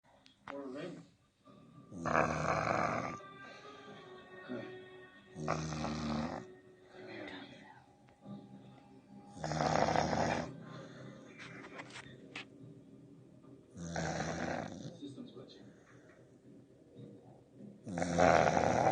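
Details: Pitbull snoring in sleep: loud, rattling snores recurring about every four seconds, roughly 15 a minute, with softer breaths between.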